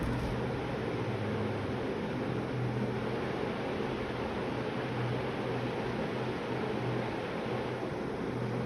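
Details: Steady whooshing hum of a running ResMed Astral 100/150 portable ventilator, with a low motor drone and no alarms.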